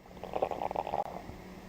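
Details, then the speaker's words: Normal bowel sounds auscultated with the diaphragm of a warmed stethoscope before percussion and palpation: brief run of soft generalized clicks and gurgles reflecting peristalsis, normally occurring irregularly 5 to 35 times per minute. "these generalized clicks and gurgles reflect peristalsis and should occur irregularly 5 to 35 times per"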